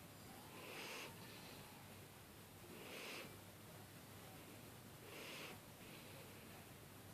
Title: Snoring cat